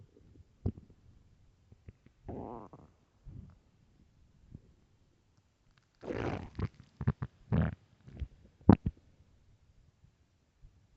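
Low gurgling and rumbling bursts from the belly, a few loud, in a quiet room; typical hunger stomach growling.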